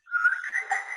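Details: Laryngeal web, thick, with subglottic stenosis and an opening under 3 mm; higher-pitched voice characteristic of laryngeal web.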